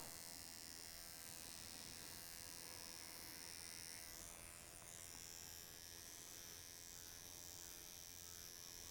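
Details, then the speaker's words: Steady high electric buzz: microneedling pen making a single dry pass, no glide, over the face during scar treatment, producing even erythema straight away before a CMCA peel is applied. "And this is dry needling. I'm not using any glide. But as you can see, there is really nice ariththema straight away."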